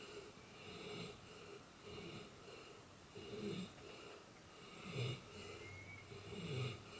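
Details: Dog snoring oddly: repeated rough, whistling snores with a noisy, wheezy edge, several a few seconds apart over steady hiss. Loud dog snoring.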